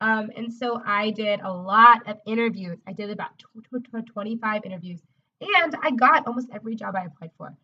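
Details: Adult woman, a speech-language pathologist who stutters and says she used to stutter covertly: stuttering.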